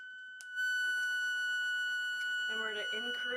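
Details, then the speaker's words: A loud, steady, high whining tone with faint talk underneath: a negative pressure wound therapy pump running to seal a dressing over a wound beside a fistula isolated with convex barrier rings. "Okay, at this point we're going to hook our negative pressure up to the pump"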